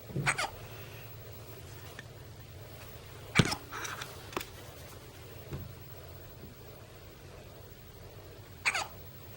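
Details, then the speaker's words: =Newborn son on his first night home after two weeks in the NICU, trying to go to sleep, has a few brief, abrupt squeaky hiccups a few seconds apart against quiet room noise; hiccups. "Oh my god. You can't tell me that's not adorable. I feel sorry for him. Aw, they don't hurt him."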